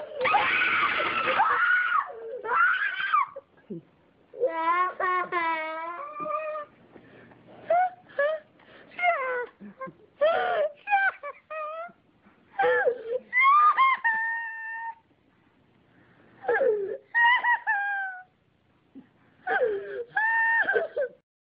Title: crying boy